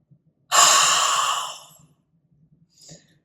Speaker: then I'm going to do the forceful breath out I'm gonna do it again and I'm gonna do one more